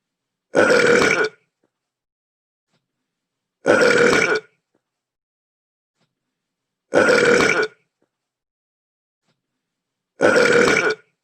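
Four identical loud belch sounds, evenly spaced about three seconds apart, with silence between; a repeated game sound effect of burping.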